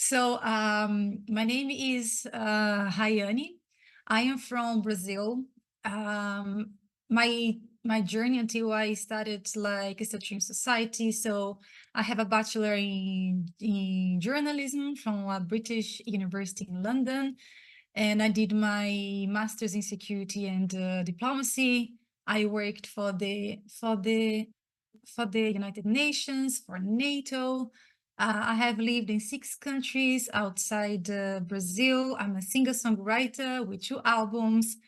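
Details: Stuttering in an adult woman who identifies as a person who stutters and reports her own blocks; repeated phrases heard.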